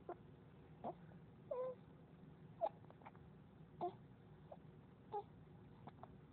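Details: 3–4-month-old baby girl with hiccups: quiet, short, sharp catches every second or so with small squeaks, in a quiet room.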